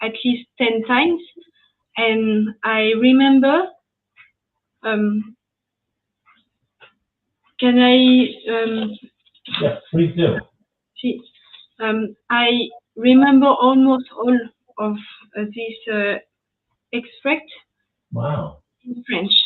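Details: French woman speaking English, ischemic stroke at age 22 in July 2011, mute for 10 days, one year of rehabilitation, still recovering speech; post-stroke aphasia.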